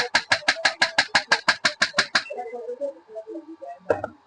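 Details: Rapid sharp regular clicking pulses, about three a second, then stopping with a few faint tones: a Jinha HL602 shock wave therapy machine handpiece firing in automatic mode, demonstration.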